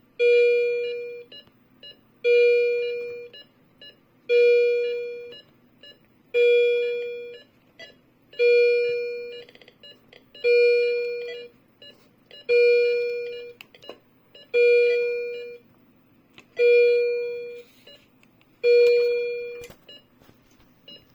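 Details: M3046A Viridia (M3) hospital patient monitor in demo mode with simulated data: steady, repeating alarm tones during an alarms test.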